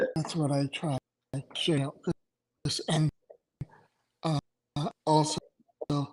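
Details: Adult male stroke survivor with aphasia after two strokes in November 2017; right-sided weakness, unusable numb right hand, short-term memory problems, 10 seizures since stroke; finding: aphasia.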